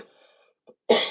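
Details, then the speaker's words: Cough from an adult about one week into recovery from a chest infection, now without fever, dizziness or nosebleeds. "a little bit of coughing as you can hear, but I cannot really function."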